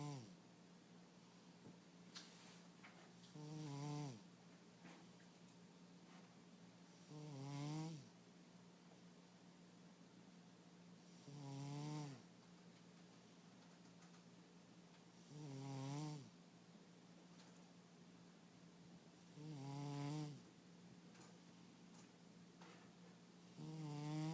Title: Sabby-Cat snoring